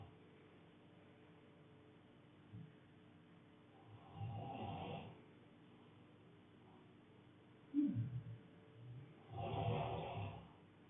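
Two rough, rattling breath sounds with quiet gaps between them, over faint room noise; ordinary snoring.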